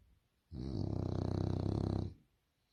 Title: french bulldog snoring snore funny